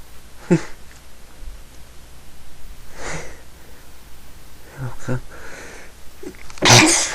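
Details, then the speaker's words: Four sneezes in about seven seconds, the last the loudest, with quiet breathing between them in a small room, during a bout of repeated sneezing the person says they can't stop; sneeze. "I can't stop. Chew. Sneezy. Here comes another one."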